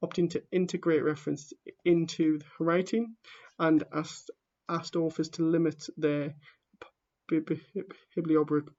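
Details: A person who stammers reading aloud the introduction to a book, with real stammering in the reading: stammering.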